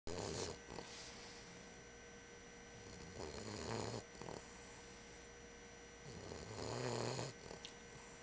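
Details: Slow rough snoring during sleep, about 18 breaths a minute, rattling on the in-breath.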